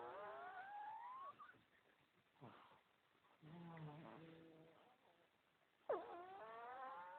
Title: Pug puppy snoring...very funny sound :)